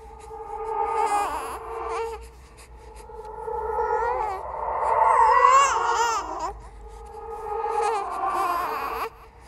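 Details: Created horror sound-effect track of a ghost baby, not a real infant: rising and falling infant wails with pauses between bursts; infant cry.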